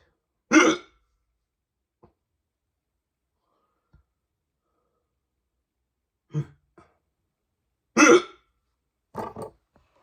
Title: Hiccups are so loud